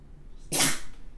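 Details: A single short, sharp, explosive burst of air: a sneeze, one of multiple sneezes recorded with the model's permission.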